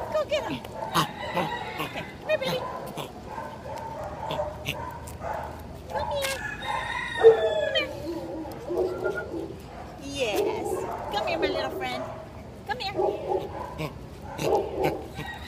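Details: 4-month-old dachshund/miniature pinscher mix puppy at a shelter with kennel cough, giving repeated harsh, honking, goose-like coughs.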